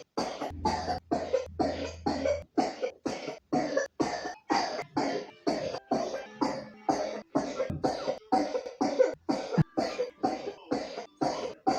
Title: 3 year old pneumonia coughs